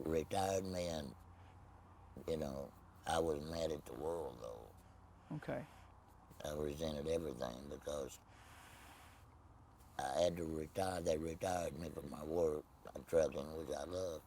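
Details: Tracheoesophageal speech in an adult man after laryngectomy for laryngeal cancer, no voice box, speaking with a Provox voice prosthesis.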